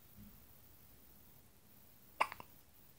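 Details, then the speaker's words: 3-week-old baby daughter with hiccups: a single soft, abrupt catch of breath with a small click after it, over quiet room noise. "And you've got the hiccups, haven't you?"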